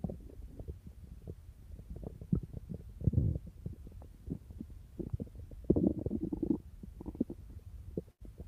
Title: PDS 1999 boy and girl's stomach growling